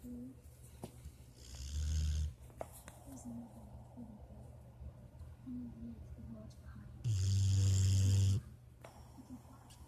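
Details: Sleeping Rocket snoring, likened to Darth Vader breathing: two loud, deep, rattling snores between quieter breaths with some voiced whining. Snoring during sleep.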